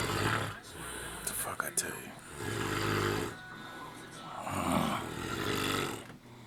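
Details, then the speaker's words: Snoring from a sleeping adult man, nonstop for an hour and worsening: loud, rough, rumbling snores, about two long snores in a few seconds. "He's just gonna stop for a second and then start snoring again."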